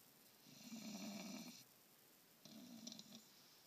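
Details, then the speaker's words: Tired, sleeping dog snoring: two soft, buzzing snores on inhalation about two seconds apart; ordinary snoring. "think he's tired? Really, girl? You're snoring like an old man, buddy."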